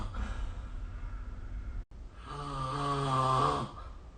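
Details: Adult snoring during sleep, recorded with the SnoreLab app: breathing out, then a loud, rising buzzy snore on the in-breath lasting nearly two seconds.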